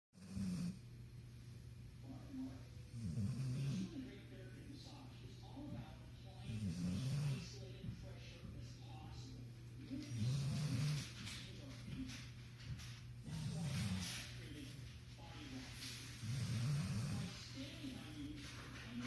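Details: Ordinary sleep snoring: low, rumbling snores with each breath, about 18 a minute, over a steady background hum.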